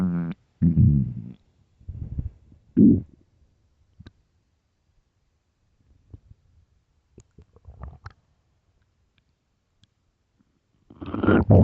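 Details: Loud low stomach growls and rumbles in bursts with faint gurgles and clicks between: borborygmi of an empty, hungry stomach, a normal bowel sound.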